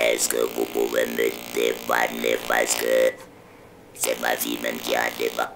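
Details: Adult man who has used an electrolarynx since his larynx was removed for cancer, with PET-scan-guided removal of malignant lymph nodes; electrolarynx speech.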